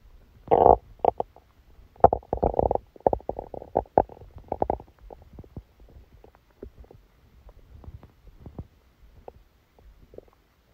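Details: Stomachache after Christmas dinner, recorded while the person was sleeping: bursts of gurgling and bubbling rumbles fading into softer scattered clicks and gurgles; active bowel sounds.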